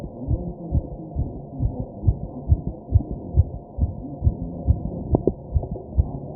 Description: My fast heartbeat as I take deep breaths.